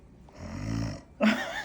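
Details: Female patient lying in a dental chair imitates snoring with lips closed while being fitted for a custom anti-snoring jaw-advancing appliance: one low, fluttering, rattly inward sound under a second, then a louder brief burst: imitated snoring.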